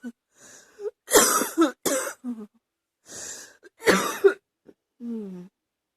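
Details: Adult with a chesty cough that is getting hard to stop: about four bursts of harsh, wet-sounding coughs with short breaths between, a cough felt cooking in the chest.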